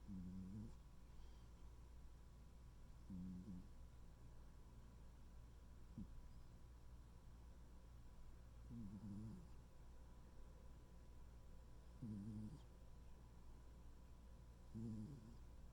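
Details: Tuxedo cat snoring softly while sleeping peacefully: low, buzzing snores recurring every few seconds over a quiet room hum.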